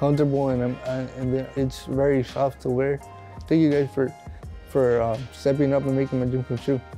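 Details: Speech of an adult man with cerebral palsy who was born a six-month preemie, pronounced dead and resuscitated at birth; cerebral palsy speech.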